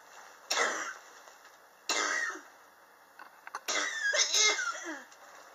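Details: Three dry cough bursts, the last longer with throat clearing, recorded July 2018 from a person coughing since summer 2016, which they believe is triggered by extreme temperature changes in their apartment; chronic cough.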